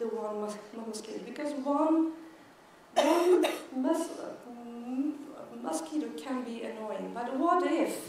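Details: Adult woman who stutters and counts herself part of the stuttering community, speaking as keynote at a world congress for people who stutter. The finding is real stuttering.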